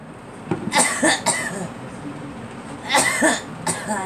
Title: Girl coughing